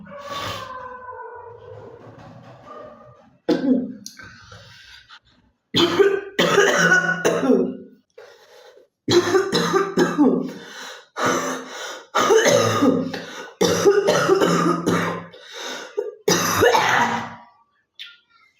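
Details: Female (girl) coughing: a series of coughs and throat clears in irregular bursts over about eighteen seconds.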